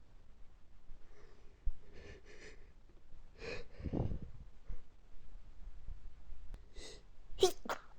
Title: stifled allergy sneezing fit